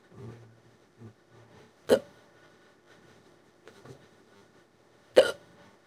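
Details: AI-generated imitation of a female cartoon character's hiccups, made from an old hiccup audio file and described as severe and lasting about an hour: two sharp, abrupt hiccups about three seconds apart with soft voicing between.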